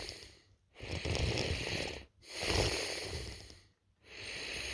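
Long, rough, rattling breaths about every two seconds with short pauses between them. This is loud snoring.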